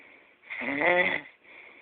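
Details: Grandma asleep after a big Christmas meal: a single drawn-out snore with a whistling, buzzing tone, framed by quieter breathing; snoring.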